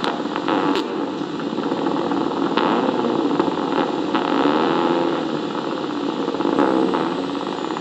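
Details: Needle EMG of resting muscle: instead of electrical silence on needle insertion, a continuous revving, engine-like roar rising and falling; myotonic discharge, the characteristic dive-bomber sound of myotonia.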